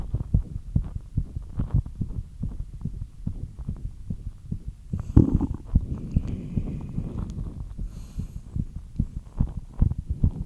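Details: Rapid repeated low thumps with some rustling midway; quickened heartbeat after light exercise, a normal response.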